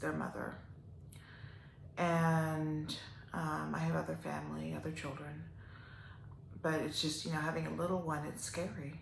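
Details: Adult woman with upper motor neuron onset ALS, a slow progressor almost 3 years into the disease, with worsening spasticity and breathing episodes; trying to talk louder and expects to lose her voice; dysarthria in ALS (spastic type).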